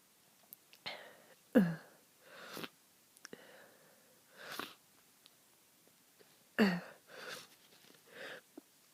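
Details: Two sharp, explosive sneezes, each followed by breathy sniffs and exhalations in a quiet room, from a person ill for over a week with a stuffy head cold; repeated sneezing.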